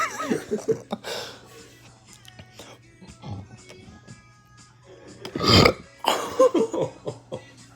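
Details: Several loud, drawn-out voluntary burps with laughter and music in the background; burping.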